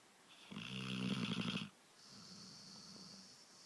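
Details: Sleeping dog snoring: a single rattling, fluttering snore on a breath, followed by quieter breathing; ordinary snoring.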